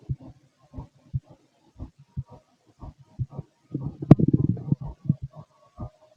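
Regular paired thumps at about 60 beats a minute. Around the middle, a short stomach gurgle sounds over them. Ordinary heartbeat.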